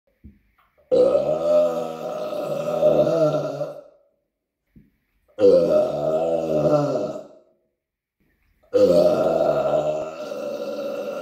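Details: Three long, loud, deep belches, each two to three seconds, with short pauses between; ordinary burping.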